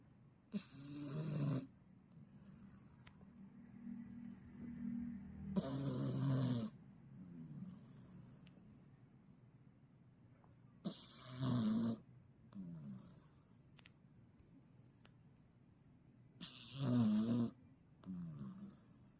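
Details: A cat snoring in loud, rattling bursts about every six seconds, with quieter sounds in between.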